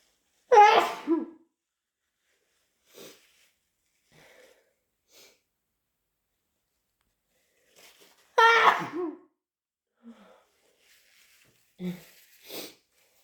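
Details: Induced sneezing: two super loud, explosive, harsh, wet sneezes several seconds apart, separated by quiet breaths and sniffs.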